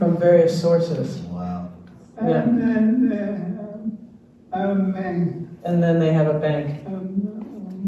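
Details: Retired male pediatrician with ALS diagnosed in late 2021; jaw trembling is neurologic clonus; his wife interprets his speech; dysarthria due to ALS.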